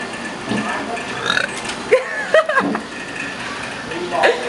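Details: Burping contest at a restaurant: several loud deliberate burps with background chatter and room noise; burping.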